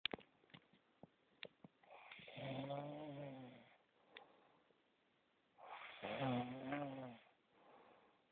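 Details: Hudson snoring during sleep: two long, rattling, buzzy snores on the in-breath, separated by quiet pauses and a few faint clicks.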